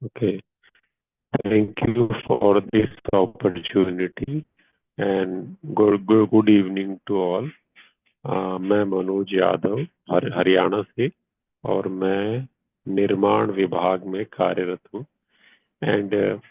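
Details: Stuttering in an adult man who has practised slow speaking for two years, speaking in a stammering support-group session.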